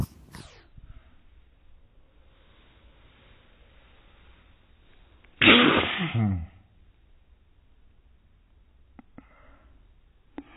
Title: Baby Sneeze in Slow Motion